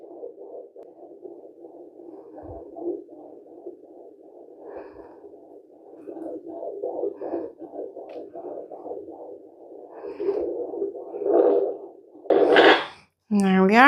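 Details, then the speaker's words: Blue Echo Care handheld fetal Doppler used at home by a pregnant woman: rapid, steady whooshing fetal heartbeat at about 151 beats a minute, with fluctuations as the baby moves or kicks. "And there it is. There's my baby's heart rate at 151. And those fluctuations are when the baby moves or kicks cuz I can feel the difference."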